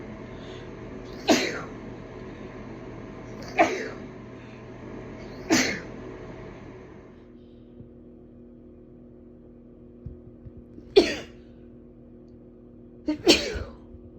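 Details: Female sneezing in a bathroom, a compilation: five sharp, explosive sneezes in two groups over about fourteen seconds, with steady background hum; sneezing.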